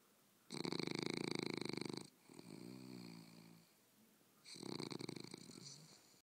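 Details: English Bulldog snoring while relaxing on a couch in the afternoon: loud, rattling snore with two long fluttering breaths and a softer one between.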